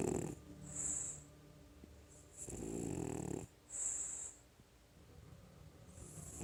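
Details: Sleeping French Bulldog: loud, rattling snores, two clear breath cycles with a whistling, wheezy edge in a quiet room; snoring.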